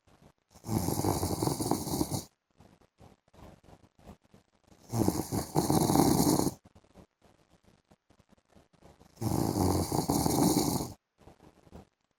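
Loud, harsh rattling snores, each about 1.5 seconds, roughly every four seconds, with quiet clicks and breathing between. Heavy snoring.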